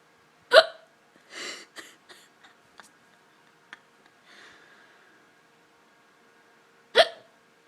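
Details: Person recording their own hiccups: two sharp, abrupt hiccup sounds about six seconds apart, with soft breathing and small noises between them; hiccups.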